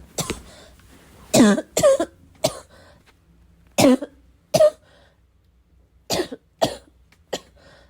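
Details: Bad coughing fit, described as a little wheezy, a little chesty, barking: about nine harsh, forceful coughs in eight seconds, some paired, with throat clearing and snorting between.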